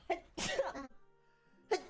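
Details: Streamer sneezing during a live stream: a quick inward catch, then a forceful sneeze, with a second sneeze beginning at the end over faint background tones; sneezing.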